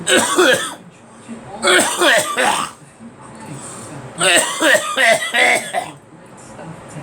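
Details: Several bursts of harsh coughing in clusters, with a radio playing in the background.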